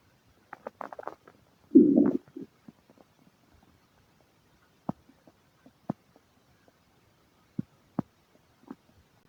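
Scattered squeaks, clicks and a brief gurgling rumble with quiet gaps; intermittent bowel sounds from gas and fluid moving in the gut.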